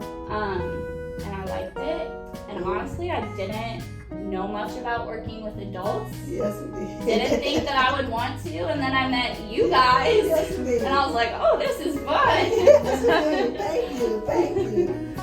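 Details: Adult woman speaking; normal speech.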